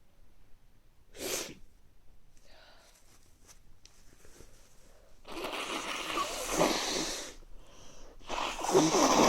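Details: Sharp sneeze, quieter sniffing, then two longer loud bursts of sneezing or nose-blowing, from an adult with recurring mild colds over recent weeks, nose not very stuffy but feeling sneezy; sneezing.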